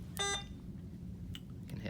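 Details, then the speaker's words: Alaris IV infusion pump, waiting on a screen with no buttons pressed: single short electronic beep over quiet room noise, a periodic reminder that it awaits input. "you'll notice the iv pump beeps periodically if you're waiting on a screen and not pressing any buttons that's just to remind you that it's waiting for you to properly input the information"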